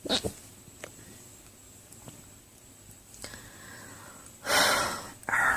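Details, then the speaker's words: Abrupt, loud hiccup catches separated by quiet breathing and faint room noise from a tired woman at 2 a.m.; persistent, long-lasting hiccups. "so tired so tired and tired oh much longer I can keep filming even though these hiccups they seem to be lasting a long time"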